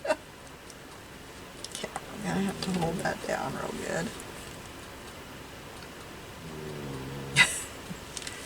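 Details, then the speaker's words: Loud rumbling, buzzing snoring from a sleeping female dog, two breaths in a quiet room with a sharp tap near the end; she is really going at it. "Can you hear my dog snoring? She is really going at it."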